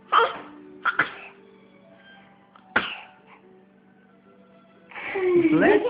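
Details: Sneezing in a 9-month-old girl (adjusted age 8 months) before her first rice cereal: a few short, sharp bursts of breath with a small voice between, adult voice and faint music behind.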